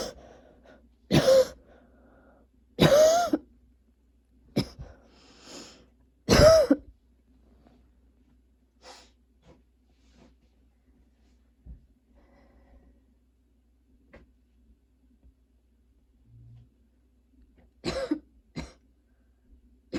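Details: Several harsh, forceful coughs close together, a quiet stretch, then two more: repeated coughing fits from a person with a very persistent cough despite medication.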